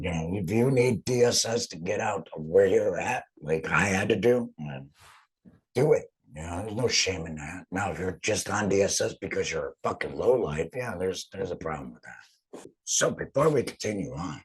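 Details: Adult male, total laryngectomy about two and a half years earlier for cancer treated with chemotherapy and radiation, uses an HME, apparently esophageal speech; stoma hurts after heavy talking; alaryngeal speech after total laryngectomy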